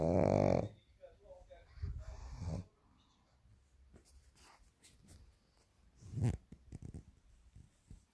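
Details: Sleeping pug dog with low rattling, snorting breath noises; snoring.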